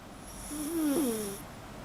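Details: Miniature schnauzer dog in deep sleep, snoring like a little piglet: one drawn-out, whistling, squeaky snore with a faint hiss behind it; snoring.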